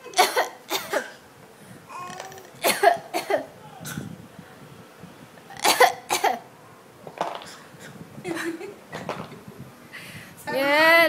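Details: Nine-month-old infant gives repeated short, deliberate cough bursts, a playful fake cough rather than an illness cough: voluntary cough.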